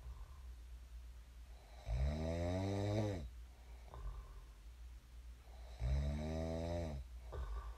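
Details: Real sleep snoring of a person who snored and then woke up: long, deep, rattling inspiratory snores, each followed by a quieter breath out, about 17 breaths a minute; loud snoring.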